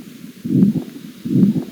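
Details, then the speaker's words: Heart murmur heard through a stethoscope: two low heartbeats at about 75 a minute, each stretched into a rough whooshing noise. "we can hear those uh sound or murmur by stethoscope very easy and it uh looks like this"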